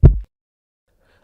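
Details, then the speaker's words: Single deep lub-dub heartbeat from a Hindi 3D heart-animation explainer, the normal heart sounds produced as the heart valves open and close with each beat. "यह कपाट प्रत्येक हृदय गति के साथ खुलते और बंद होते हैं। जिससे हम जो परिचित लब डब ध्वनि सुनते हैं, वह उत्पन्न होती है।"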